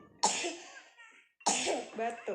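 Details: Two loose, harsh coughs from a young child who is unwell, has had a persistent cough not getting better, and is taking medicine; cough.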